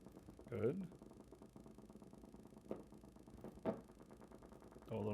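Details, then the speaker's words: Needle EMG of the pectoralis major, gain 200, during gentle arm raising: steady fast crackling of firing motor units, all of normal amplitude, duration and shape; normal motor unit potentials. "more so you see a couple few there for more motor units again all normal amplitude duration and shape and relax it good"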